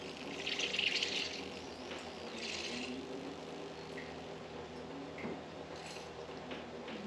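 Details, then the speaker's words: Winter pneumonia vaccine for cows, good for only 24 hours once mixed: sloshing, trickling liquid as it is drawn back into the syringe two or three times to mix it in the bottle. "so I got all the liquid in I'll I usually suck it back out two or three times just to get it all mixed up good"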